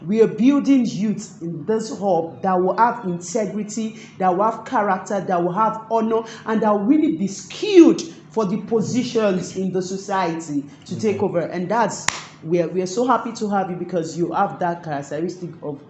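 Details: Adult speaker; normal fluent speech.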